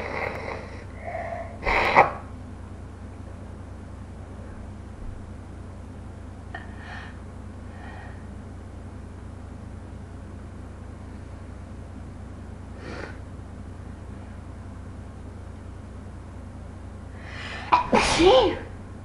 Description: I couldn't stop sneezing and decided to record it, enjoy!